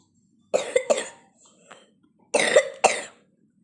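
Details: Two bursts of harsh coughing, two coughs per burst, from a person who says they are sick; cough from an acute illness.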